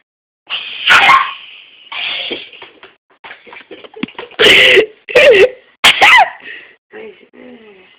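Several loud, exaggerated sneezes with squeaky vocal tails, deliberately acted for fun.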